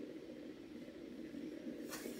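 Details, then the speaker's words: Needle EMG of the right extensor digitorum of a volunteer, finger extension with slightly more activation, often against resistance: continuous dense crackling buzz of overlapping motor unit potentials; moderate voluntary activation. "when we are analyzing these signals we record at both low levels of activation and often slightly more"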